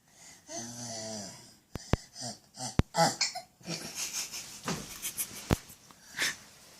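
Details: Toddler imitating a baby's hiccups as his best impression among animal sounds: a drawn-out voiced sound, then sharp clicking gulps; imitated hiccups.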